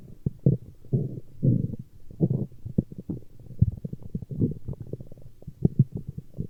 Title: Stomach Growling